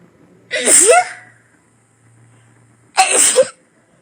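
Two loud, explosive bursts of air a couple of seconds apart, each with a sharp hissing release: two sneezes.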